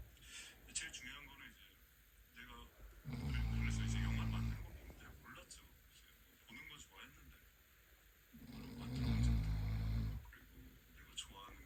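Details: Snoring by the father, heard while the baby moves about in the womb: two loud, low, rattling snores about five seconds apart, with quieter breathing and faint room noise between them.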